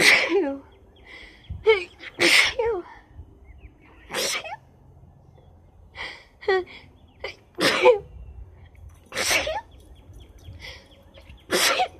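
Repeated sharp sneezes, about six in twelve seconds, with sniffing and nose-blowing sounds between them.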